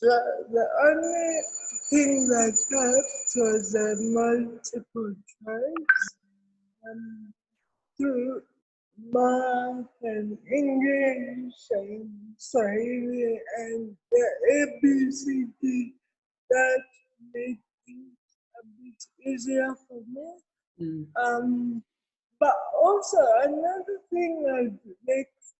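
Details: Adult woman with cerebral palsy; dysarthria.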